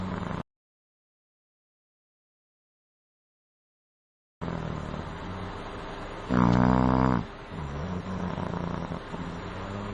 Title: MAN SNORING LIKE BUFFALO : KHARRATA